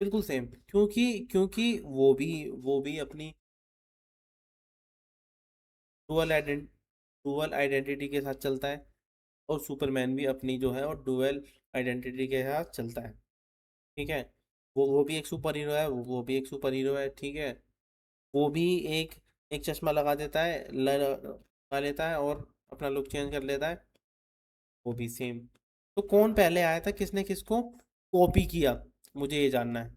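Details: Adult male Hindi-speaking reaction host, presumed from the channel name to stammer, speaking with repeated phrases; stuttering.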